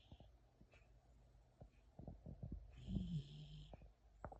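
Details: Soft, low snuffling breaths with faint rattling clicks from a sleeping shepsky puppy (dog); light snoring.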